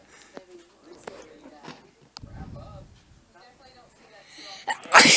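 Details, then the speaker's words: A child's single sneeze, a rising breathy intake then one sharp, loud burst of air: sneeze. "Please do not judge the sound of when I sneeze on the video. Or my face when I sneeze."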